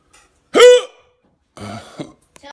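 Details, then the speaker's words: Hiccups described as out of control and unusually persistent for this person, whose hiccups usually stop with breath-holding: a sharp, voiced hiccup, then a second softer catch and a brief click. "row up if I keep hiccuping like this what is the deal with this I usually as soon as I get a hiccup I can like hold my breath and then it goes away goes away this is terrible"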